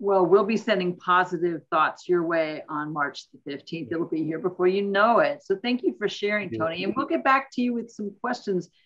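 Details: Adult speaker; Normal voice.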